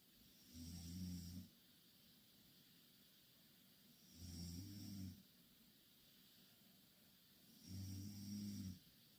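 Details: Loud, low rumbling snores recurring about every 3.5 seconds, roughly 17 a minute, over quiet room hiss, from two Korean girls sleeping in the same bed.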